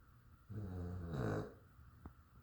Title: 2 min Cassi snoring